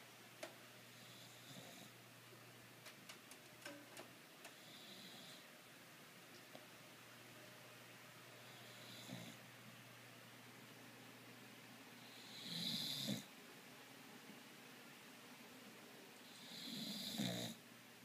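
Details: Sleeping Boxer puppy (dog) with tongue out: quiet, irregular breathing noises with a few louder, rougher snoring breaths over low steady room hum.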